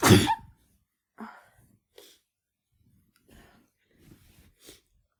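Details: Person with flu sneezing repeatedly: one loud explosive sneeze, followed by softer sniffs and small sneeze-like bursts.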